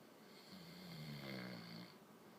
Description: He doesn't think he snores as much as he does. Well, he does.